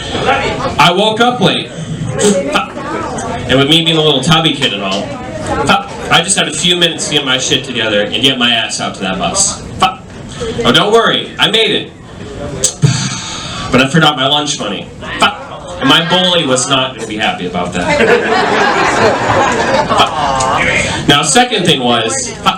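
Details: Adult male stand-up comedian with self-reported Tourette syndrome, which sometimes makes him say things he doesn't want to; live comedy set; vocal tics (Tourette syndrome).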